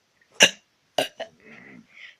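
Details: A short abrupt belch, then two smaller throaty bursts and faint noise; burping.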